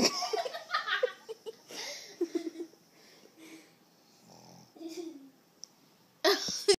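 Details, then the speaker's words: A sleeping dog snoring: soft, irregular snuffling and buzzing snores with brief snorts and quiet gaps between breaths. "He's sleeping. He's snoring."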